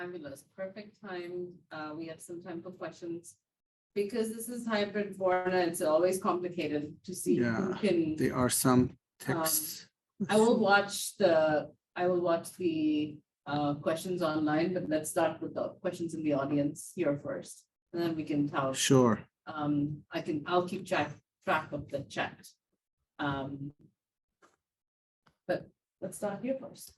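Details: Adult woman speaking in a seminar room; typical speech.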